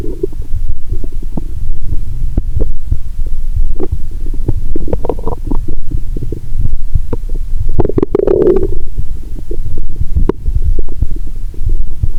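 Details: Lying down after drinking 1.5 L cola with Mentos, stethoscope on abdomen: continuous low rumbling, scattered gurgles and brief squeaks; active bowel sounds.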